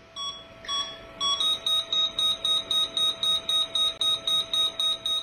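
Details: A few separate beeps, then rapid regular beeping about four a second, from an endodontic apex locator as the file nears the root tip while establishing root canal working length; apex locator beeping.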